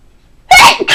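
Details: Single sudden forceful imitated sneeze after brief silence, one of a deliberate variety of performed sneezes.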